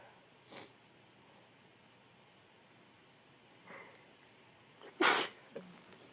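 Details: Cold sneezes, possibly female (F): three sneezes, one small and stifled, then a loud full sneeze and a sniffle, part of a series of 20+ sneezes.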